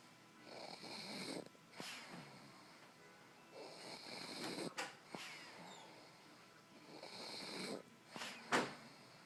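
Soft, airy snuffling snores repeating about every three and a half seconds, with small nasal snorts; a sleeping dog snoring.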